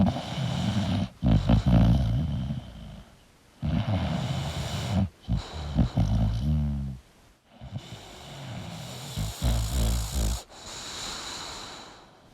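Loud, rough, snorting breaths with gurgling rattles, irregular and near-continuous: heavy snoring from a sleeping dog.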